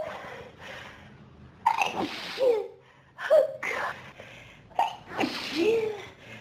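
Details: Adult with pollen and dust allergies since about age 14, triggered by room dust: three forceful sneezes in quick succession, each preceded by a sharp gasp, part of an intense prolonged allergic sneezing fit.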